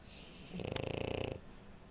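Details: French Bulldog snoring: a single rattling, fluttering snore lasting under a second, typical of a flat-faced dog's noisy sleep breathing.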